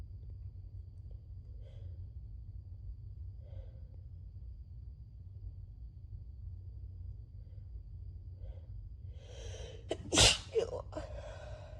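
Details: A few quiet sniffs and breaths, then a loud explosive sneeze with a short follow-on burst, from an adult with a cold, sinus pressure, scratchy throat and losing voice.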